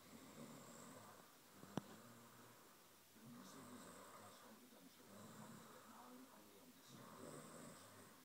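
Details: Soft, rasping light snoring with slow rhythmic breaths and a single sharp click partway through.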